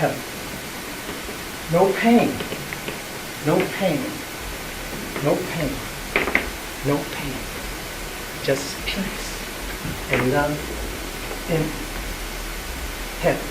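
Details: Performer with aphasia after a stroke, speaking in an improvised theatre play created by people with aphasia with an aphasia research and treatment centre; aphasia.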